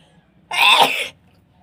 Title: Feather Inducing sneezes .